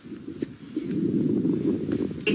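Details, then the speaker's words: Smoker's lungs heard through the chest: harsh, rough breath noise rising through a breath, with scattered crackling clicks. "así se escucha el pulmón de un fumador"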